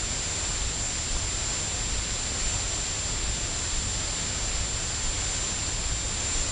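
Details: Synthesized tinnitus simulation made with an electronic music synthesizer (Royal National Institute for the Deaf research, 1970s record): steady hissing with a faint high whine, representing tinnitus rated moderate to very loud that the patient hears continually.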